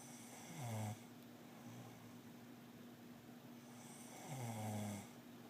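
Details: Two deep, rattling snores on breathing in, about four seconds apart, with a steady hum in the room; snoring.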